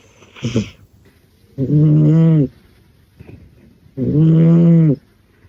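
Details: Sleeping cat: slow, loud, droning buzzes on breaths, about two in ten seconds, with soft intakes between: snoring.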